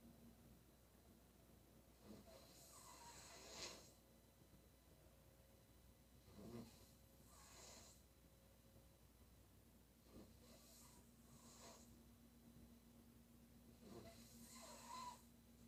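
Repeated rough breathing noises roughly every four seconds over a low steady hum, heard as snoring during sleep.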